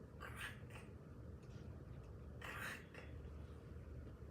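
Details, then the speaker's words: Two brief bursts of fine, dry crackling over room hum, imitated during a Spanish lecture on typical pneumonia: inspired air opening alveoli that are inflamed with fluid or pus. Imitated crackles. "Porque cuando ustedes le hacen inspirar, entra el aire a los alvéolos. Y si los alvéolos están inflamados porque tienen líquido, tienen pus, tienen lo que sea, entonces ese aire entra al alvéolo y separa todo lo que hay. Y hace esto."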